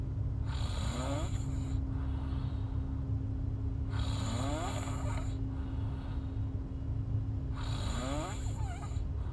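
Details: Girl snoring in sleep: three loud, rattling inhaled snores about every four seconds over steady room hum.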